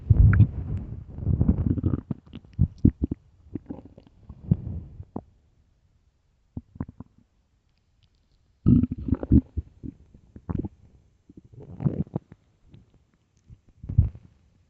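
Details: Early-morning stomach growling recorded for headphones: bursts of low gurgling, bubbling rumbles with short pops, separated by quiet gaps; normal borborygmi.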